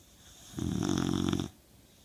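One loud, rattling snore lasting about a second, with quiet room noise before and after; ordinary snoring.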